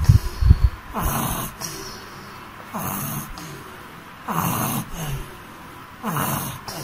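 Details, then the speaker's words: Laboured breathing in a child with breathing difficulty, no relief from conventional medicines, starts with coughing, must sit up, worse at night and in a warm room: noisy, rough breaths about 35 per minute with harsh inspiratory sounds. "this is a case of it's like breathing difficulty uh taking allopathic medicines and not relief usually starts with coughing must sit up during the cough aggravation at night"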